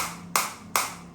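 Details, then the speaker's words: Two sharp, loud snapping clicks about 0.4 seconds apart, each with a brief ring: pulses of a focused (not radial) shockwave therapy device applied to the hand at intensity 10 during self-treatment, shots being counted. "So right now I'm getting very affected focus shock wave on the hand area and uh this is the intensity 10."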